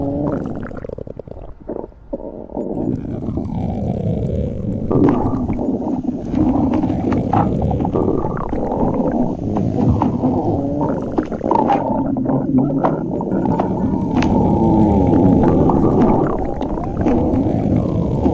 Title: stomach growling 3